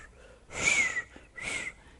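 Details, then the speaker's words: Peripheral arterial Doppler ultrasound of an arteriovenous fistula: loud, high-pitched pulsing whooshes with little pause between beats, low resistance flow with very high systolic and high diastolic velocities, producing a thrill. "El tril que ocasiona nos da un sonido espectacular, fácil de detectar y fácil de de escuchar y definir. Esto se trata de una fístula arteriovenosa con la fístula, no es un flujo."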